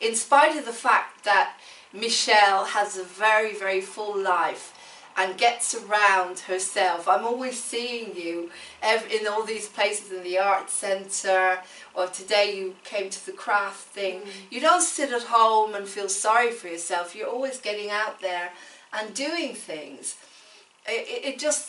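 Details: Adult woman speaking; ordinary speech.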